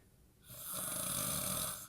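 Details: Adult man asleep in a recovering addicts' house, sleep apnea mentioned: one loud, harsh, rattling snore with a fluttering rasp while others call his name and say he is snoring.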